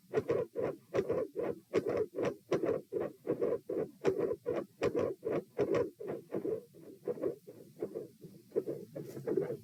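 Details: Heart sounds recorded at position P during a stress test (78–138 bpm across lying, sitting, standing, bobbing): fast, very loud beat with dense, rough sounds around S2 and abrupt intensity change, suggesting a murmur near S2; unusually loud supine.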